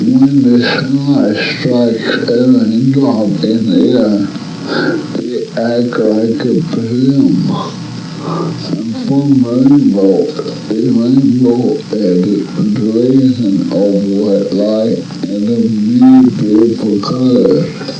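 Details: Flaccid dysarthria with marked hypernasality undermining articulation, much of the speech hard to understand, heard while reading the Rainbow Passage.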